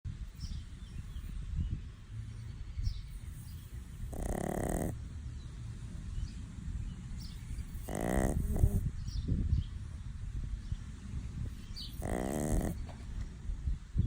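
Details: Chihuahua snoring while asleep sunbathing: three rattling, buzzy snores about every four seconds, roughly 15 breaths a minute, over a steady low background rumble.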